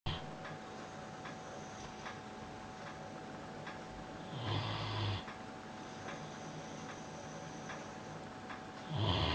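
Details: Snoozing on his bed, two low, rattling snores several seconds apart, with a clock ticking in a quiet room; loud snoring during sleep.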